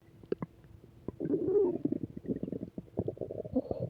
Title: Return of stomach growls